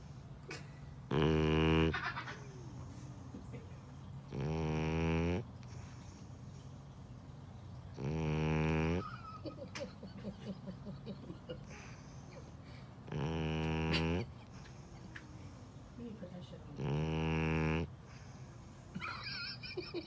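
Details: Blue fawn French Bulldog, female, snoring loudly: loud, rattling, buzzing snores, five in twenty seconds, about 17 a minute; heavy snoring in a flat-faced dog.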